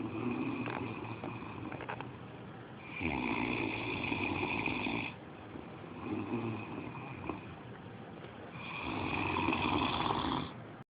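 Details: Slow, regular snoring with a buzzing, slightly whistling tone on each breath, about three breaths in eleven seconds; described as snoring again, a recurring snorer.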